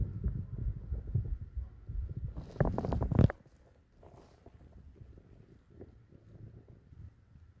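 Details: Low, irregular gurgling and rumbling with a louder burst of rumbles midway, then quieter gurgles, recorded for relaxation and sleep; ordinary bowel sounds.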